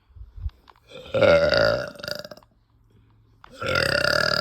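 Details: Female, bloated: two long, loud, rumbling burps after eating, separated by a brief pause; belching.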